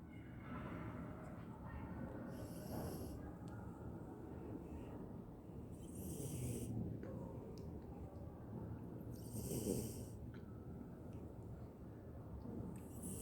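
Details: Beagle: quiet rhythmic snuffling breaths with soft hissing exhales about every three to four seconds over low background noise; snoring in a sleeping dog.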